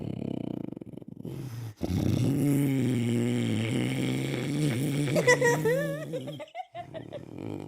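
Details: An older man (grandfather) snoring loudly in his sleep, recorded to convince him that he snores: a rough, low-pitched, rattling snore with long vibrating breaths in, in a quiet room.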